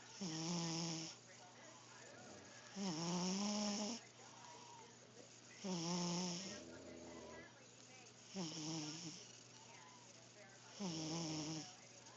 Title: Oscar the Cat snoring (Original)